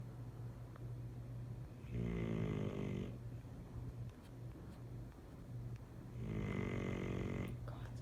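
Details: Sleeping dog snoring: two long, low, buzzing snores about four seconds apart over a steady background hum; ordinary snoring.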